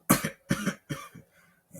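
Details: Acted skit in which a boy pretends to fall ill after being sneezed on: three short, harsh coughs in quick succession, then a faint fourth; simulated cough.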